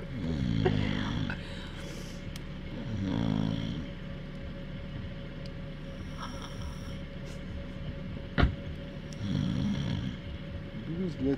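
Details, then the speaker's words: Person snoring outdoors by a lake: rumbling, throaty snores every few seconds over a steady background hum, with a sharp click partway through; snoring. "храповик затем будет с организм естественным путем"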